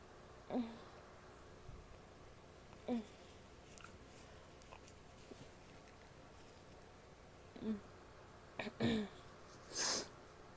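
Several short sneezes and coughs with quiet gaps, ending in a longer nose blow, in a quiet room.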